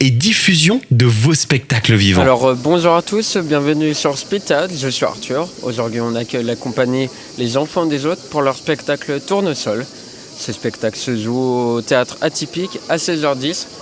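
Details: Adult male speaker; ordinary speech.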